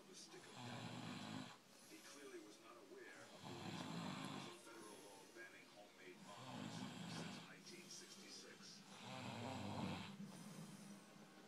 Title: the burger snoring